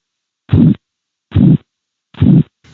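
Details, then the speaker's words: Blood pressure measurement, phase II Korotkoff sounds: regular soft whooshing pulse sounds under the cuff, where the sound loses intensity and becomes a murmur-like swish. "El segundo ruido pierde intensidad y suena como un murmullo o soplo muy identificable."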